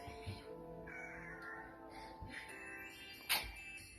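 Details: Small pet tapping and biting, then a single short sharp sneeze near the end, with music in the background; sneeze.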